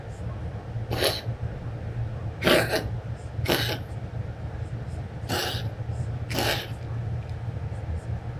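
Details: Mia, a cat, coughing, recorded 08/28/2015: five short, harsh, dry expulsive bursts over about eight seconds against low room hum.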